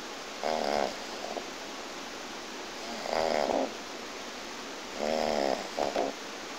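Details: Person who passed out drunk making unusual vibrating snores on in-breaths, some with a short second flutter, about one every 2.5 seconds; snoring.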